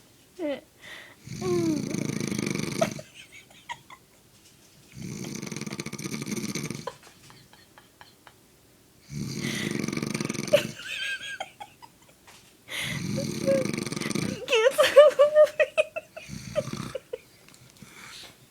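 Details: Sleeping man snoring very loudly: loud rattling snores about every four seconds, roughly 15 a minute, with a few squeaky whistling sounds between them.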